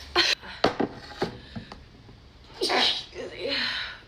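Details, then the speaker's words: Girl with cat allergies, eating oranges, sneezes into an orange: several sharp, hissing sneezes in quick succession, each preceded by a brief breath; repeated sneezing. "I need to sneeze. Excuse me. So, oh, just sneeze right into the orange."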